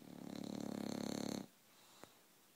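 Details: 22-month-old bulldog, half awake: a rough, rattling snore-like breath lasting about one and a half seconds, then quiet with a brief click; snoring in an awake dog.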